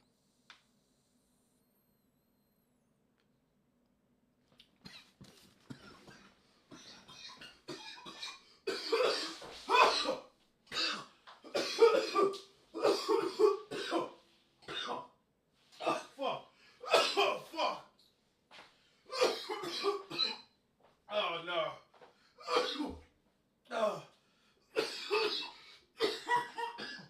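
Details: Man coughing after inhaling vapor from a new vape cart: repeated harsh coughing bursts in a long fit, with gasping breaths between, left crawling on the floor gasping for air.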